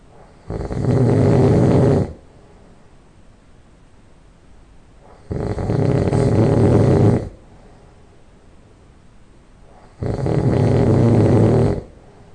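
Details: Loud nasal snoring just after falling asleep: three loud, rattling snores on the breaths in, about 13 a minute, with quiet breathing between them.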